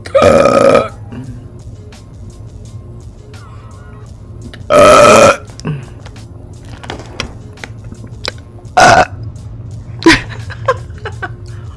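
Several loud, deep burps, some long and growling, with a few shorter hiccup-like sounds in between; ordinary belching.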